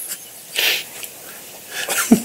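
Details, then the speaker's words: Adult sneezes and coughs at once in a quiet room: a hissing sneeze followed by a throatier cough-like burst. "So it was like a sneeze and a cough. So you was dying twice. Because you was coughing, I was like, you okay?"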